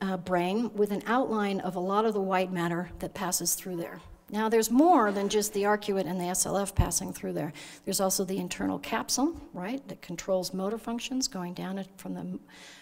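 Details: Adult woman lecturing; normal speech.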